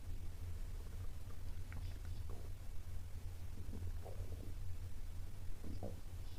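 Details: Low rumbling and gurgling over a steady low hum: stomach growling in a person watching anime.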